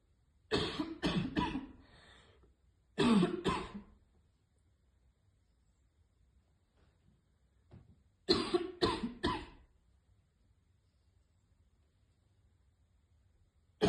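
Three fits of harsh, forceful coughing, each of two to three bursts, after inhaling vapour: choking cough from irritated airways.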